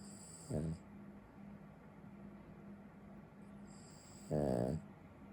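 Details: Loud snoring from a little dog while sleeping: two brief rumbling snores about four seconds apart over a faint steady hum.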